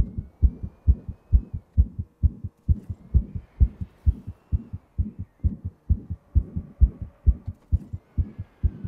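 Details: Own heartbeat with a known murmur recorded while playing a fast-paced racing video game, growing more intense toward the end: fast, regular, thumping beat about 130 per minute with a faint soft murmur between beats.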